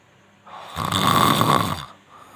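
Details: A single loud, rough, rattling snore on the in-breath, about a second long, in a quiet room.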